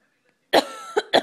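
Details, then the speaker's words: Three quick deliberate coughs from a mother faking a cough in play to make her child laugh; voluntary cough, not from illness. "is mommy gonna laugh should mommy cough"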